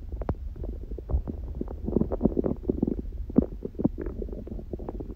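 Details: Hunger stomach growling recorded lying down, person on a raw-food diet eating one meal a day and smoothies in the morning: continuous gurgling, bubbling rumbles; normal borborygmi.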